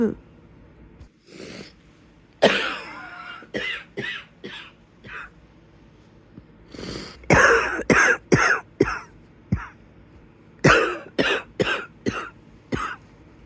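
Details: Wheezy cough in bed at the onset of the illness: repeated harsh coughs in clusters, about fifteen in all, with a wheezy, rattling edge between bursts.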